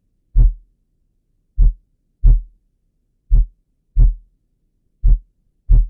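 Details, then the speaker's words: Heart auscultation teaching recording, slowed down: distinct thuds in alternating pairs, the first sound (S1) before the carotid upstroke and the second (S2) after it; normal heart sounds. "the sound you hear before the carotid up stroke is s1 and the sound you hear after is s2"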